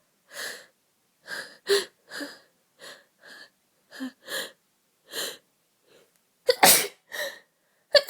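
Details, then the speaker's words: Adult female with a heavy cold for several days, feeling awful, sneezing: about twelve short sneeze bursts and sharp sniffs in a quiet room, with one forceful sneeze near the end. "um hey there so I've just um I've had a serious cold for a few days now and I feel pretty awful"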